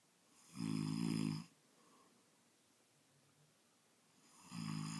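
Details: An adult man snoring loudly: rough snores on breaths in, two snores about four seconds apart with quiet breathing between; snoring.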